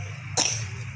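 A single short cough from a young child who has a cold, against faint room noise.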